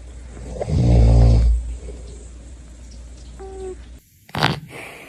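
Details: Cat snoring during sleep.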